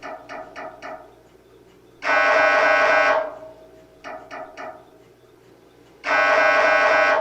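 Repeating cycle of four quick knocks followed by a loud sustained buzzing tone, typical MRI scanner gradient noise.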